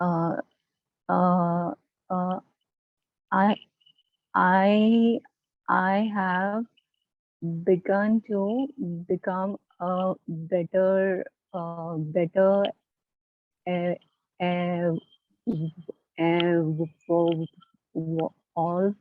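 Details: Adult participant in a stammering support group; stuttering.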